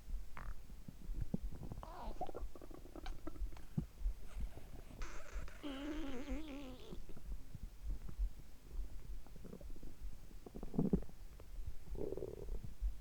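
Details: Gurgling, squeaky bowel sounds over a steady low thudding heartbeat, heard through a stethoscope, with the stomach rumbling a lot; borborygmi.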